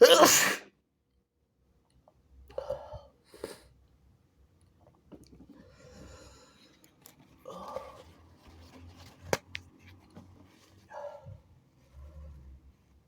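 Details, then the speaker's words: One loud, explosive sneeze from a person trying to hold back induced, wet sneezes, then sniffing and quiet breathing; sneeze, with some blood later noted on blowing the nose. "for this video, I'm trying to do some holdbacks, and yeah. Oh, oh, shit. I'm sounding kinda weird. Maybe I'm not too good to hold back my sneezes."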